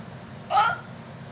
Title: 200. Ekla Chalo with Hiccup